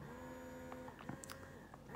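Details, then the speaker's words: Pumpables Genie Advanced portable handheld breast pump in expression mode, a slower cycle speed than stimulation mode: steady electric motor hum with a whining tone and a few clicks. "you can go faster or lower so it's a slower cycle speed so there you go nothing too um fancy crazy there but a really standard pump a little bit bulky"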